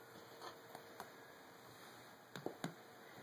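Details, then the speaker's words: Pregnant woman with reported constipation: soft finger percussion taps on the abdomen, hollow and drum-like on one side, flatter and dull over another area; abdominal tympany and dullness. "I'm listening for dullness. Go back to that one. It's quite hollow on this side. But over here it's quite dull,"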